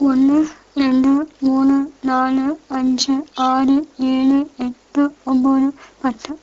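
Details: Patient's connected speech with oral pressure consonants, in a cleft lip and palate context, showing hypernasal resonance: hypernasality.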